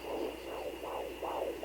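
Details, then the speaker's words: Rapid rhythmic whooshing pulses, about 150 a minute, of one monoamniotic-monochorionic twin's fetal heartbeat found by home Doppler on mother's belly; fetal heartbeat on Doppler. "look through the volume here that that's one heartbeat so then the hard thing is trying to find the other one because sometimes right on top of each other"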